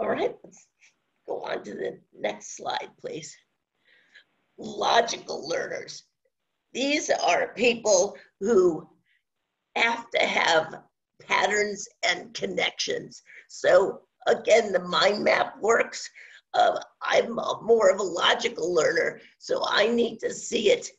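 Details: Adult woman with spasmodic dysphonia, onset around 2010, progressively worsening, no cure; awaiting a Botox injection that was postponed; spasmodic dysphonia.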